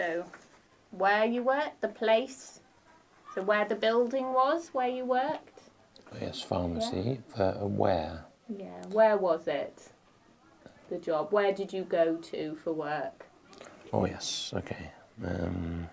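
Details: Man with aphasia after a stroke, speaking in a conversation where his partner is not using supportive communication strategies; aphasia.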